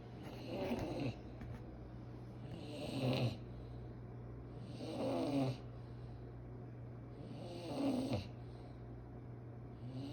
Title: Sweet Brady boy snores